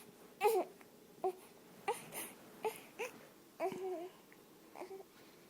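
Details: Infant crying while a cat soothes it back to sleep: short, broken fussing cries and whimpers that settle and grow quieter toward the end.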